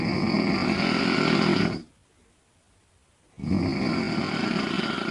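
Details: Loud, rough, rattling snores on the in-breath with quiet pauses between breaths, from a 42-year-old woman sleeping in bed; heavy snoring.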